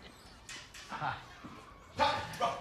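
Several short, abrupt bark-like yelps from an adult man, acted for a film, with quiet room noise between them: barking-like vocal tics of Tourette syndrome.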